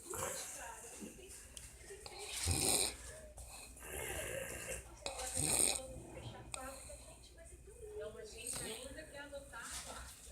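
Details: Uncle snoring loudly in a small room: rasping snores with snorting bursts against background voices.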